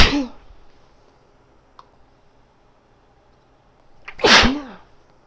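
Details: Woman's wet, powerful sneezes while her nose still tickles: two sharp explosive sneezes, one at the start and one near the end, separated by quiet room noise.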